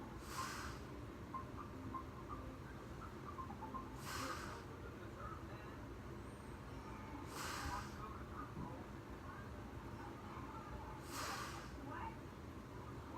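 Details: Heavy breathing and snoring during sleep: regular noisy breaths about every 3.5 seconds, around 17 a minute, over a steady background hum.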